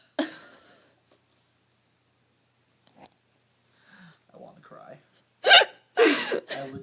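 A sharp gasping catch at the start, then faint sounds and a few louder voiced bursts, which fits hiccups alongside vocal sounds.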